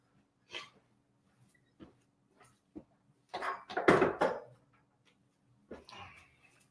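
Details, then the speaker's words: A few brief scattered coughs and throat sounds with one louder burst, in a quiet room, from an adult man on a live stream who says he has been unwell but is feeling much better; a lingering cough. "Even though, as you can still hear, I've been suffering a little bit, but I'm feeling a lot better thanks to copious amounts of tea."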